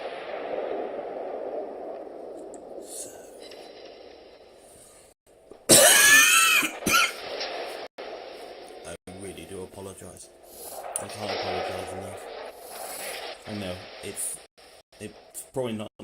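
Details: Cough, blamed on hay fever, from a gamer commentating a World of Warships battleship match; a loud sudden cough burst over game noise and talk, then a brief throat clear.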